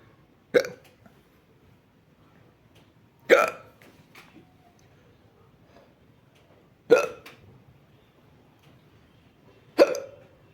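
Four sharp, abrupt hiccups about three seconds apart, each a sudden catch of breath in a quiet room.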